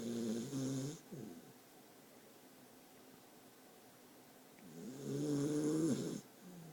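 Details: A newly adopted dog snoring while held in its owner's arms; quiet recording.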